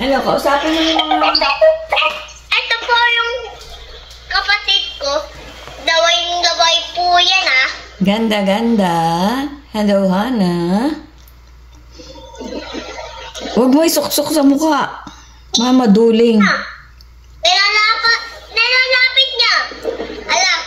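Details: Young girl described as still mispronouncing words, pronouncing her own name as "kula chichay". Speech sound disorder (articulation errors).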